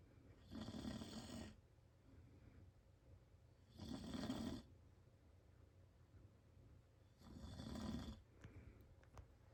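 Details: Adult man (father) snoring loudly in sleep: rough, rattling snores on each breath in, three in about ten seconds, near 18 breaths a minute, with quiet breaths out between.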